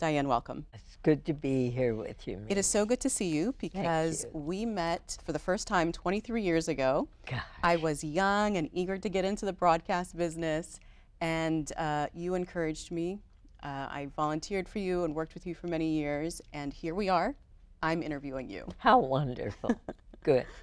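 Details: Adult woman speaking; normal voice.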